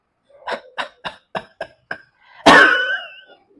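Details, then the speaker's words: Pulmonologist demonstrating huff coughing for sputum clearance in COPD, asthma, bronchitis and bronchiectasis: six short breathy open-mouth huffs, then one longer forceful huff, after a normal breath; forced expiration technique. "మళ్ళీ కొంచెం gap ఇచ్చి [నవ్వు] ఇలా కూడా మీరు clear చేయొచ్చు"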